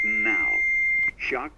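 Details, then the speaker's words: AED delivering a shock in a cardiac arrest skills-test demonstration with bystander CPR: steady high electronic tone, brief gap, then spoken device prompt as the shock is delivered after "shock advised, stay clear." "shock advised charging stay clear of patient deliver shock now I'm clear you're clear we're all clear button"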